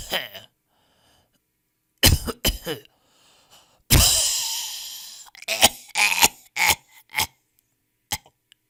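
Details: Stock audio of people coughing in different styles: repeated sharp, explosive coughs in short bursts, with a drawn-out throat-clearing sound between them.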